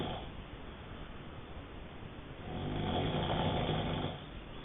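Low, rough rumbling breath noise that swells and fades with breathing over a steady background hiss; snoring during sleep.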